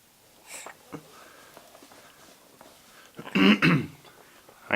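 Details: Six-month-old infant in the morning, after babbling: quiet breathing, then a short forceful double burst like a sneeze or throat clearing in a small room.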